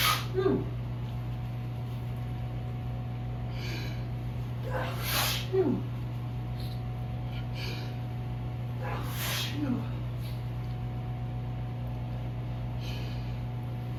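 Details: Adult with ragweed allergy, medication worn off, sneezing in cool evening air: three forceful sneezes, each with a sharp inbreath first, over a steady low hum; allergic sneezing.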